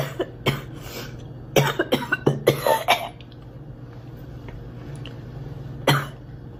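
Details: Girl: a run of short, sharp coughs, then a pause and one final cough; a plain dry-sounding cough against faint room hum.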